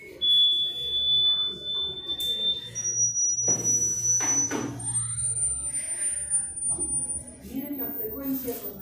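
Steady pure tones step up in pitch to very high, demonstrating high-pitch hearing lost with age.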